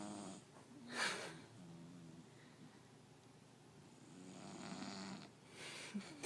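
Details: Snoring from a sleeping pet cat, Atticus, who sometimes snores and won't wake when he does; recorded on a phone microphone of modest quality.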